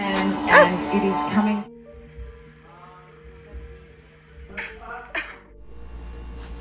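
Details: Cat sneezing: brief music gives way to a steady low hum, then two quick, sharp sneezes.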